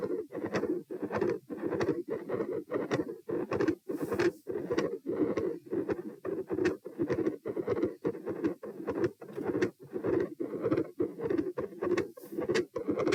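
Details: Heart auscultation stress test at position P, heart rate 90, 126 and 72 bpm while sitting, standing and lying: intermittent machinery-like murmur with loud S2.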